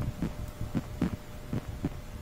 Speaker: first heart sound lobe also known as s1 is caused by the closing of the av valves after the atria have pumped blood into the ventricles the second heart sound dub or s2 originates from the closing of the aortic and pulmonary valves right after the ventricles have ejected the blood